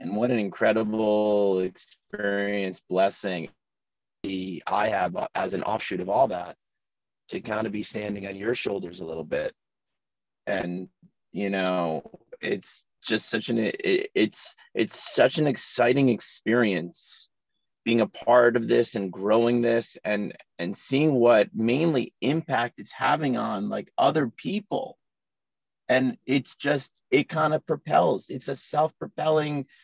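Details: Adult man in his forties who has stuttered since childhood, in natural conversational speech; stuttering.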